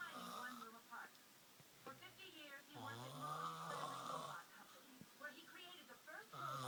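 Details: Adult man asleep, face being played with: rough, voiced snores with mumbling, speech-like sleep-talking noises between them. Snoring.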